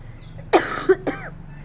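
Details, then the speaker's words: A mother coughs while her daughter films; two short, sharp adult coughs in a quiet room, a plain cough. "हाँ हाँ खांसी आ रही थी ना मुझे, क्या करूँ?"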